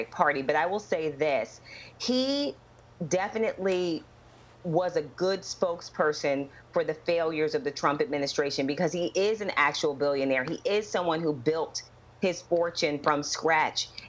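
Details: Adult woman speaking; ordinary speech.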